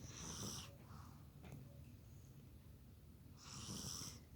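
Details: Two rough, raspy breath sounds a few seconds apart over a low hum from a baby boy asleep after playing; infant snoring.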